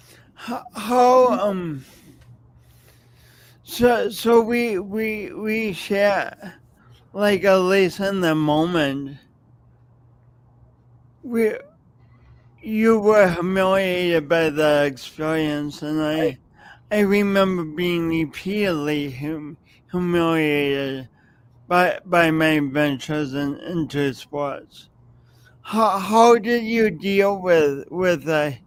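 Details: Speech impediment with stuttering-like disfluency in an adult man who has lived with it for many years and says everyone hears it whenever he speaks.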